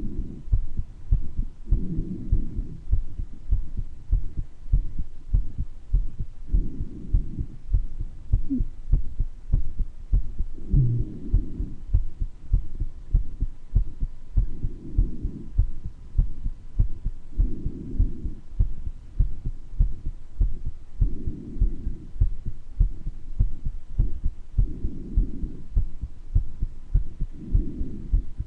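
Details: Person's own heart murmur recorded during mild bronchitis: regular heartbeat about 100 a minute with a murmur, breathing about 13 a minute, and occasional brief wheezes.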